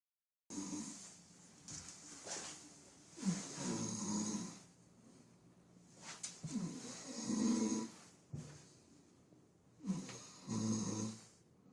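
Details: Drunk adult man sleeping and snoring: rhythmic low, rumbling fluttering breaths, about 18 a minute, louder on each inhalation.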